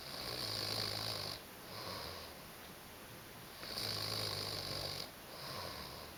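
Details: Snoring from a man asleep with his new puppy.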